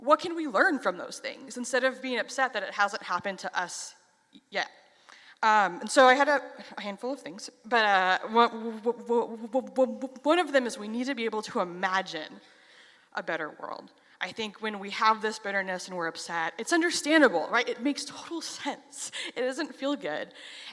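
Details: Stuttering in a 33-year-old adult who has stuttered since age 6; reports stuttering less on stage than in casual videos.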